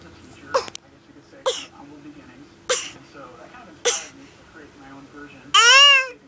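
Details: Baby girl fakes several short forced coughs, then gives a real single loud, high-pitched sneeze at the end.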